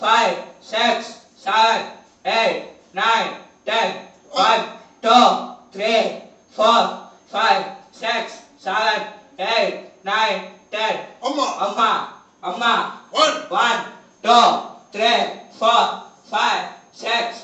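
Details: Young man with a high-pitched voice for 2 years, confirmed by pitch analyzer, counting and saying 'hamma' during a pitch-lowering treatment session; puberphonia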